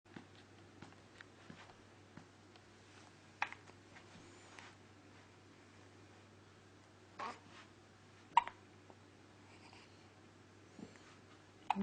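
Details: Baby boy hiccupping; soft, abrupt hiccups at irregular intervals, about four in twelve seconds, in a quiet room; infant hiccups.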